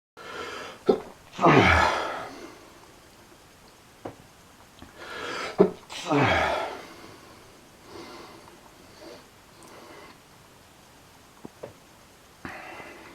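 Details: Person with allergies sneezing excessively, feeling sick: two forceful sneezes, each preceded by a short intake of breath, then quiet sniffing; repeated sneezing.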